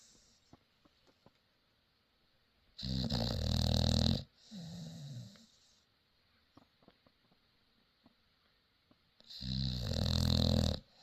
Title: Saturday Chilling Vibes 😎 #frenchie #staffies #funny #snoring #frenchbulldog